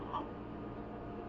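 A single brief, soft hiccup from an infant over steady low room noise.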